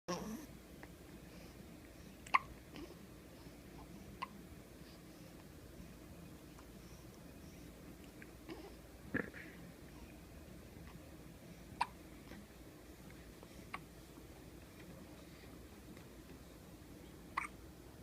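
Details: 10-day-old baby girl with hiccups: soft, brief hiccup sounds at irregular intervals, about six over eighteen seconds, against quiet room noise; ordinary newborn hiccups.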